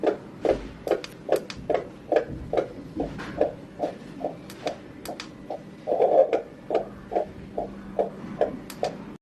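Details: Fast, regular whooshing pulses about 140 beats a minute on an FD280W handheld fetal Doppler monitor: fetal heartbeat on Doppler.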